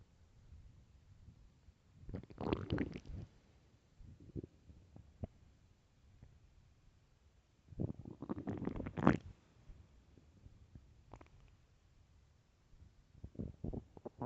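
Several bursts of gurgling and growling from the belly, with quieter rumbles between: hunger bowel sounds, ordinary stomach growling.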